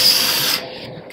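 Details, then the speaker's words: Brief harsh high-pitched surgical drill whirr that stops abruptly, drilling femoral lug holes for a size 10 trial femoral component during a ROSA robotic total knee replacement for a severely varus knee in an adult male. "As planned, it's a size 10. We perform the lug drill holes,"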